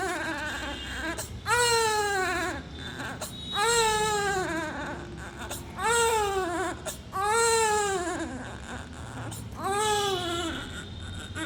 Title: Premature baby || Crying 😭 sound effect #lowbirthweight #weight1.5kg #crying